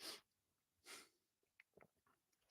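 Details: Voice-over artist who is sick with an affected voice: two sharp, hissing bursts of air in quick succession, then faint clicks and rustles; a pair of sneezes.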